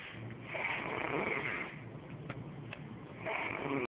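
A sleeping adult gives two loud, harsh, rattling snores on inhalation, separated by a quieter breath.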